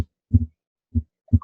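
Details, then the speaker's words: Simulated normal heart sounds on a Harvey cardiopulmonary simulator at the upper left sternal border, timed against the carotid pulse: crisp, regular first and second sounds, with the second sound louder than the first at the heart base. "Doug you'll notice that the second heart sound is louder as you would expect here at the base of the heart similarly uh it's still louder than the first heart sound which we can time along with our karate here at the upper left sternal border"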